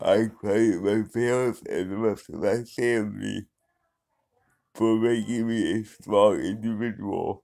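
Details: Dysarthric speech in an adult man who has had cerebral palsy for 35 years.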